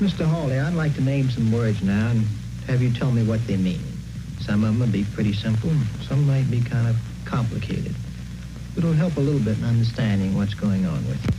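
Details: Adult male speaker; normal speech.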